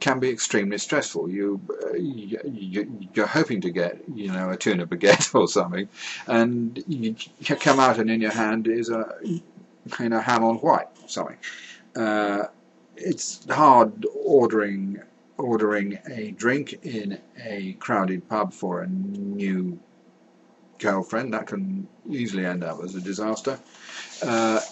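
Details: Adult man who says he has a stammer, speaking about everyday situations; stuttering.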